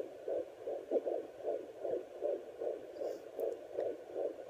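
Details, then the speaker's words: Rapid, rhythmic whooshing pulses, about 130 a minute, through a home Doppler used by the pregnant mother, strong and louder than when first heard; fetal heartbeat. "Yeah, so I figured that'd be nice to listen to his heartbeat since I hadn't listened to it for 2 weeks, and it was so much stronger."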